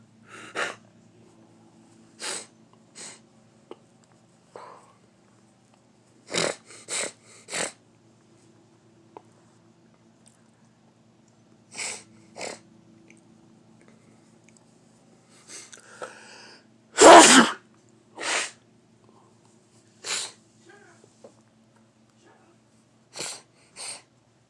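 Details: Morning sneezing from an adult: a run of short, sharp sneezes and sniffs, with one much louder sneeze near the end.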